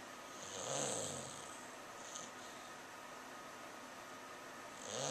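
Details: English Bulldog asleep after a day at the window, also barking and running in his sleep, recorded with a Flip Video camera: slow, hissing, wheezy snoring breaths about every four seconds.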